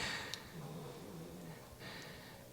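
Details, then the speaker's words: Dog (Harry) sleeping in the room during a yoga session: soft, low rumbling snore with faint breathy snorts against quiet room noise; snoring. "harry's in here snoring as you can hear"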